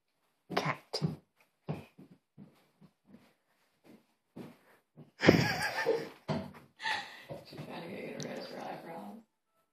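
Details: Child imitating a cat coughing up a hairball, with short gagging coughs and a long retching wheeze.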